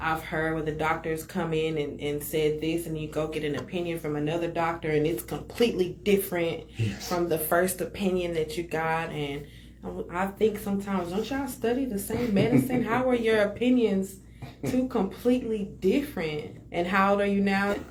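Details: Adult speaker; ordinary speech.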